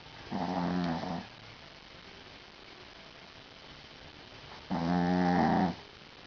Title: snoring little dog